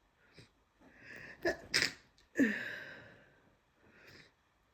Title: Definitely a cold! Snotty sniffs and sneezes